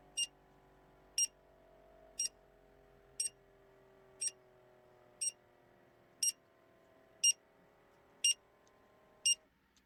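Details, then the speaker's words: Woman with POTS as part of EDS, tachycardic, during a lying-to-standing blood pressure test: ten regular high beeps, about one a second, pulse oximeter alarm for oxygen saturation below 95 percent. "the oxometer is beeping at me because my oxygen saturation fell below 95 and yeah that's another thing that happens when this is happening"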